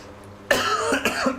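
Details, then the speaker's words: Cough from an adult during a live flight-sim stream, followed by throat clearing; a lingering cough that won't go away. "Damn. [clears throat] This cough won't go away. Sorry you guys got to listen to this."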